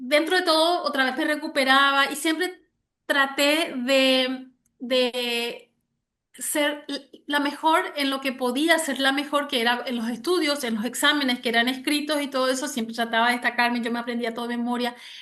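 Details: Stuttering in an adult Spanish-speaking woman since age 6, starting when her parents divorced; severe in childhood, now mild and cyclical with about 80% fluency, mainly blocks; word repetitions in this clip.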